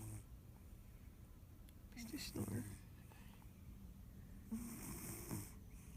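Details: Soft, low snorting snores with breathy rushes between them in a quiet room; snoring.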